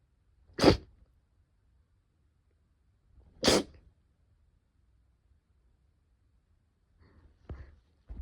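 Two sharp sneeze bursts about three seconds apart, then a few fainter snuffles.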